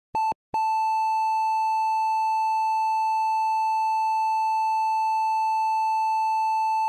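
Two brief monitor beeps give way to a continuous steady tone, the classic flatline sound.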